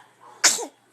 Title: Cute little sneezes # baby# babylove😍